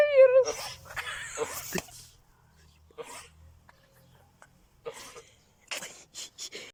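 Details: Ram coughing: a bleat followed by several harsh, explosive coughing bursts with pauses between them.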